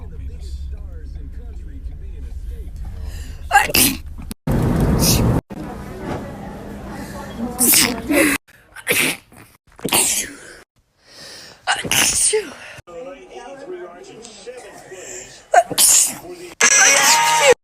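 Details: Natural sneezes from a blonde teenager, a compilation: a run of sharp, explosive sneezes, some with a quick intake of breath first, and short bits of background sound between them.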